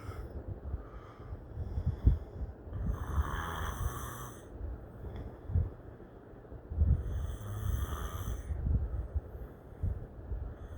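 Low, rough snoring breaths with snorting catches, repeating every few seconds during sleep.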